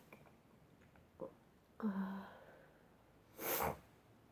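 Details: A sneeze fit of repeated sneezes: a couple of soft nasal bursts lead up to one sharp, forceful sneeze in a quiet room.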